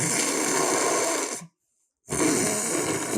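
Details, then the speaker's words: Imitation of severe snoring while lying on the back, the tongue sagging back to nearly touch the rear throat wall: two loud, rough, rattling snore-like noises separated by a brief silence. "하지만 혀 가 아래로 처져서 뒷벽 에 거의 닿을 정도 로 압박 하게 되면 상황 은 더욱 심각해집니다 ."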